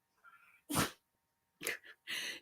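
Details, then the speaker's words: Dog named Abby who has sneezed to ask for things since puppyhood: about three short, sharp sneezes in quick succession, a habitual attention-seeking communicative sneeze. "Most dogs will whine or they'll bark. They'll yap or something if they want something. Not ours. She sneezes. She has done that since she was a puppy."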